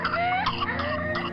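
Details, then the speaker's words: A high, gliding, crowing intake of breath with faint background music: the inspiratory whoop of pertussis (whooping cough), in a public message urging Tdap vaccination to protect babies. "I'm Jennifer Lopez and here's a sound no mother wants to [Music] hear it's prusis whooping cough"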